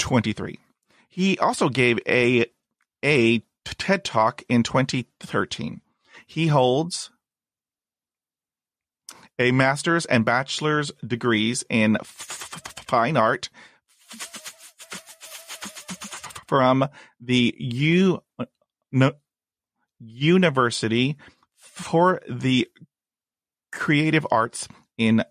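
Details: Adult man who has stuttered since childhood, had speech therapy at age 5 and again in his 20s, and reports blocks and repetitions, especially on cold reads; stuttering.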